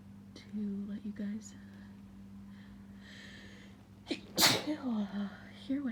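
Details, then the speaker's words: Person with grass allergy, woken with a tickling nose after lawn mowing outside an open window, in a spring sneezing fit: sighing and sniffling breaths build to one loud, explosive sneeze, then a groan. "I woke up, my nose was just tickling like crazy. Gonna sneeze."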